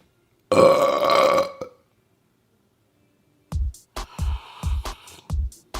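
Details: Deliberate burping by a man: one long, loud, rumbling belch followed by a run of short clicky bursts, with faint music in the background.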